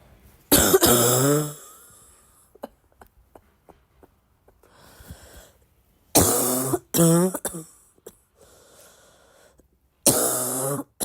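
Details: Sick girl with several harsh, barking coughs with a rough, congested edge, separated by quiet breathing and faint sniffing; barky congested cough.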